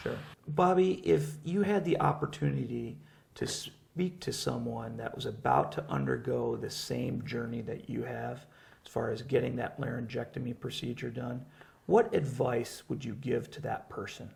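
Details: Adult male speaker; normal speech.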